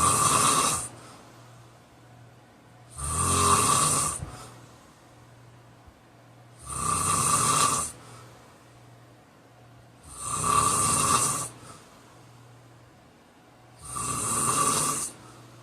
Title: Snoring 45